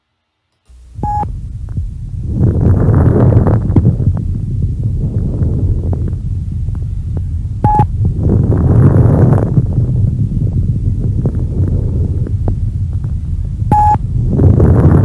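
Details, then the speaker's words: Simulated fine crackles: brief explosive pops during breaths, about ten breaths a minute. Fine crackles indicate airways opening and closing, especially at the end of the breath. "a acreditação fina nada mais é do que esse som de explorar né então todos os sons decretação ele vem dessa pensa característica explosiva no caso da captação fina ela é indica abertura e fechamento das vias aéreas especialmente quando ela acontece no final da respiração"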